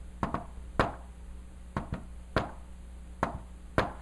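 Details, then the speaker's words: Tapped imitation of an S4 gallop (fourth heart sound), compared to "Tennessee": a soft extra knock just before S1, so close to S1 it may go unnoticed, a stiff-ventricle sign. "now S4 is so close to S1 that when I do it real fast you might not even notice"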